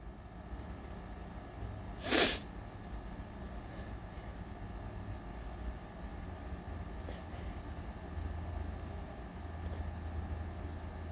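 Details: Sneeze let out after trying to hold it back, from allergies (not a cold), in a person who is feverish, shivering and nauseous: one sharp, explosive sneeze over steady hum, then quiet breathing.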